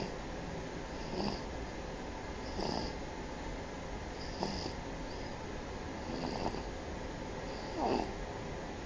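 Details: Sleeping baby: five soft, snorting breath sounds at irregular intervals over a steady background hiss. Light snoring during sleep.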